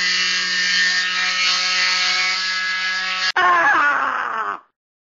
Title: cast removal